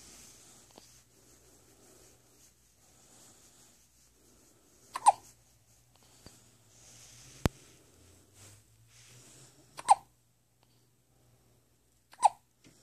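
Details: Three sharp hiccups, each a sudden catching gulp, spaced a few seconds apart over soft background noise.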